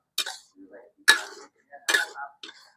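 An adult coughs in a short run of about three to four sharp bursts, each fading quickly.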